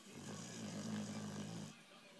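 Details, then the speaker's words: A pet with an underbite, awake, not sleeping, makes a single drawn-out, rattling snore-like noise lasting over a second; snoring sound. "If you're happy and you know it, snore. You're not even asleep though."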